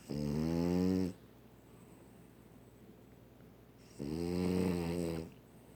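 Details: Sleeping dog snoring very loudly: two loud, buzzing inhaled snores about four seconds apart, separated by quiet breathing.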